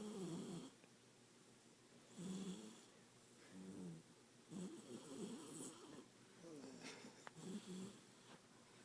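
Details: Sleeping 14-week-old chocolate Labrador puppy: soft rhythmic snoring, several snores a few seconds apart, quiet room noise between.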